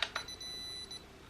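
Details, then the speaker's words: Two quick clicks then a steady high electronic tone: a home diode laser hair removal device (DermRays V8S) beeping ready after power-on and level selection by double click. "I'm just going to turn the device on, and I'm going to select my level and double click,"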